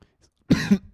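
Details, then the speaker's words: Adult gamer coughs once during a Minecraft let's play, apologizing afterward: a single short, harsh cough in a quiet indoor room. "oh gott chuldigung muss die Husten au ich hoffe das hört man nicht so laut"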